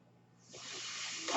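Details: Airflow of a man's own mechanical ventilator delivering a breath while he records a spoken podcast: mechanical ventilator breath cycle.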